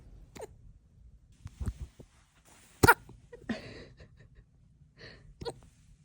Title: Señor Sanchez and his little hiccups 🥹😭 #raccoon #cuteanimals #pets